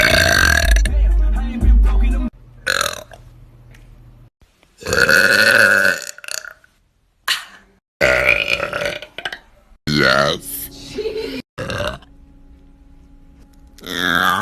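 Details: Girl burping: loud, drawn-out, low rumbling belches repeated several times, with music in the background.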